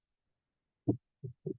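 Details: Mitral stenosis heart sounds, presented in a lecture on rheumatic fever and rheumatic heart disease.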